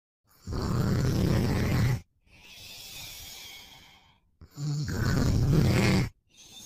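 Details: Boyfriend asleep and snoring: loud, low, rattling snores on each in-breath with quieter out-breaths between, about two breath cycles in six seconds.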